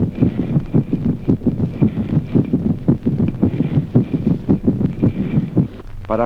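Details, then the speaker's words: Audible atrial sound (S4) with evident dyspnea at rest: fast, regular heartbeat with a soft dull extra sound just before each louder first heart sound. "Ruido auricular audible. El ruido auricular precede como un latido sordo al primer ruido más intenso."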